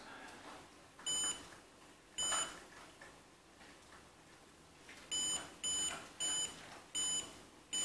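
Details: Homemade Arduino pulse sensor with OLED display, finger resting on the sensor with gentle pressure; sharp electronic beeps, one per detected pulse, in a quiet room, tracking the maker's normal resting heart rate of about 80 BPM.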